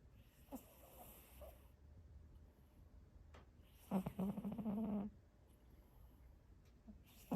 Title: My cat snores!